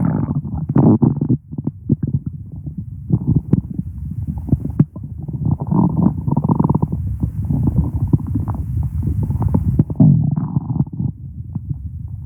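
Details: Stomach growling: continuous low gurgling and rumbling with bubbly pops and squelches throughout, active bowel sounds (borborygmi).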